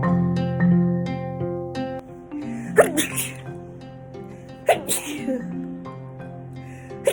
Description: As I’m sitting in my bedroom I suddenly get a dust bunny up my nose and it makes me sneeze a lot.